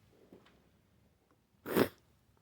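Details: A brief quiet intake of breath, then one loud, wet, explosive sneeze, described as messy flu sneezes; sneezing.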